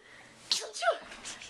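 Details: Almost 3-year-old boy playfully pretending to sneeze, perfected spitting and sound: single sharp sneeze with brief intake and hissing burst, imitated rather than real, while he laughs at being teased.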